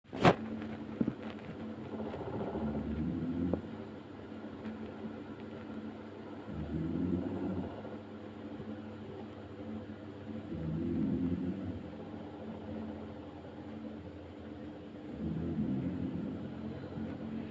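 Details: Soft, low rattling snores recurring about every four seconds, around 14 breaths a minute, over steady room hum; snoring.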